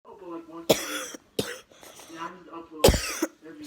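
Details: Three sharp, harsh cough bursts from an adult, separated by brief vocal sounds, in an edited clip: cough.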